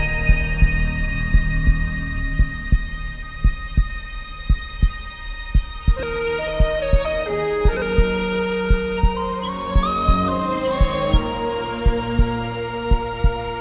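Steady, regular heartbeat thumps at about 57 a minute, mixed with dramatic orchestral music; a produced sound effect.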